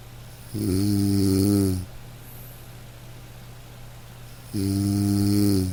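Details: Sleeping dog: two smooth, humming snores several seconds apart over soft light-rain hiss; gentle dog snoring.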